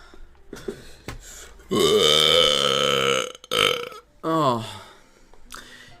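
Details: Burping by young men: three loud, long, rumbling voiced belches in a row with brief talk around them.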